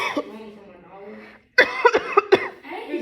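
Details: Adult deliberately faking a cough as a prank in front of sixth-grade students: a few words, then about four short, forced coughs with voiced edges; simulated, not an illness cough.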